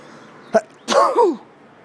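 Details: Person sneezing in a quiet room while their pet cat is present: a short indrawn catch, then one explosive sneeze trailing into a voiced falling sound; a sneeze.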